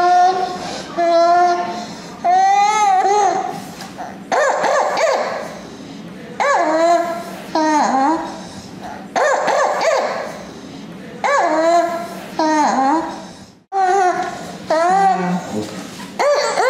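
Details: A 15-month-old irritable but alert child with croup, in a pediatric clinical exam station video, has repeated harsh, high, voiced noisy breathing phases: inspiratory stridor.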